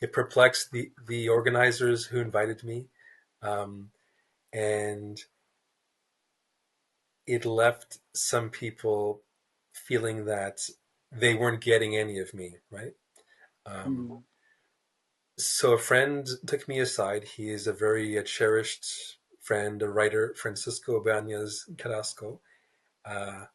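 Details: Stuttering in an adult man, a writer who describes himself as a person who stutters, speaking in a real, unscripted podcast interview.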